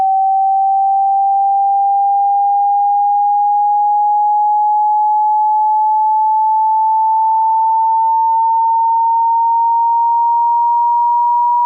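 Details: Hearing test: a steady pure tone slowly rising in frequency, a sweep to measure hearing capacity across pitches.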